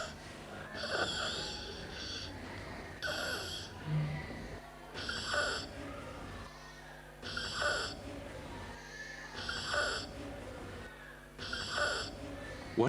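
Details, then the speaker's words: Child with a harsh, rasping noise on each breath in, about 28 breaths a minute; stridor. "We heard a harsh noise when was breathing in. Therefore, we decided that does have stridor."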